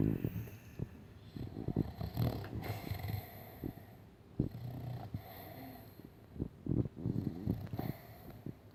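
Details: Staffy dog sleeping, with low, rattling, snorting snores and irregular breathing noise; unusually loud snoring.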